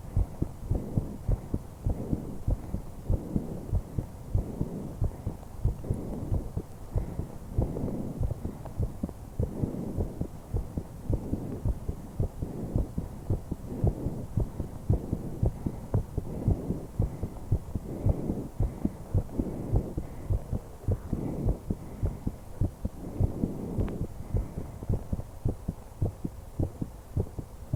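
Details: Steady low heart thumps with soft breathing swells underneath, recorded from a 21-year-old woman: normal heart and breath sounds.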